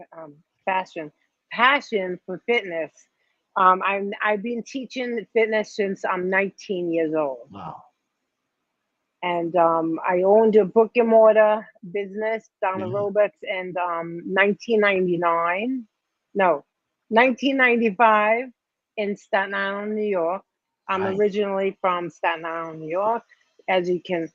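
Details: Mild aphasia in a 57-year-old woman after a major ischemic stroke at age 45, 2011, affecting her right side and speech; she could not talk at first, and says speech is improving but worsens with emotion.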